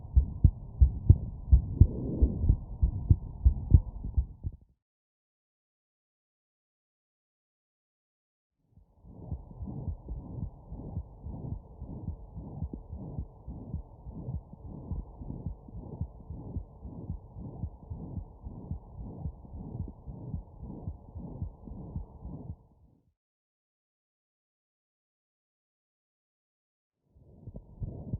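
Rapid, muffled low thumps of a heartbeat through a stethoscope, an abnormal heart sound, with silent gaps.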